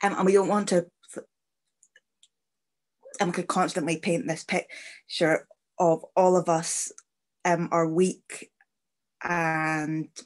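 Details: Stammering (stuttering) in an adult woman who stammers, with fluency fluctuating day to day and not trying to be fluent, speaking on a panel.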